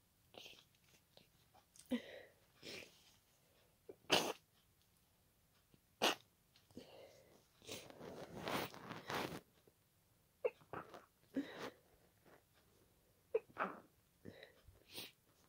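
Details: Night-time sneezing fit with congested nose, watery eyes and nasal tickling, put down to pollen: a run of repeated wet, snorting sneezes with short breaths between them in a quiet room.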